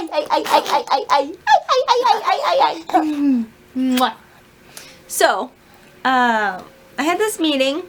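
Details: Adult woman with self-described Tourette's-like tics, undiagnosed, who can usually suppress them, during a difficult, sleep-deprived period; burst of vocal tics with swearing, food words and a repeated phrase; vocal tics.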